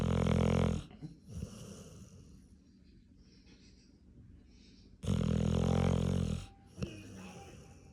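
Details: Female pit bull dog asleep, said to snore louder than an adult man: two loud, rumbling snores separated by a long quiet pause with faint breathing: snoring.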